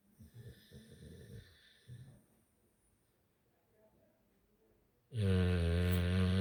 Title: Oscar snores a lot | Oscar | pitbull snores a lot | dog sleeping | pitbull vs American bully